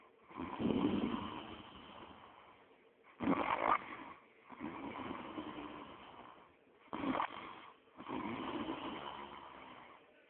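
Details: Rumbling snores on breathing in, alternating with short sharp snorts, in a steady sleep rhythm. Loud snoring.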